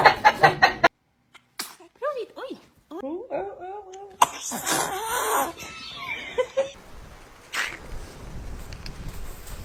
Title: Warning: Baby Sneezes May Explode Your Heart